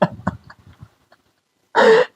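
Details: Repeated coughing: two short explosive coughs, a brief pause, then a louder, longer harsh cough with a rough voiced edge.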